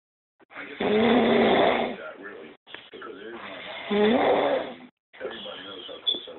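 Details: Adult woman (girlfriend) asleep, not woken by nearby talking: loud, rough, rattling snores with each breath, about 20 a minute, some with a groaning tone. Heavy snoring.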